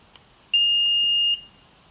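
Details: Philips FRX AED training unit: single clear high-pitched beep under a second as it powers on after the pediatric key is inserted, switching to infant/child mode.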